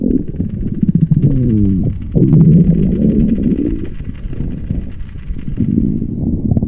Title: vore audio (Soft, stomach growls)